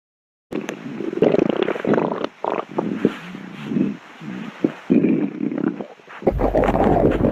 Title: stomach growling 10 MINUTES Compilation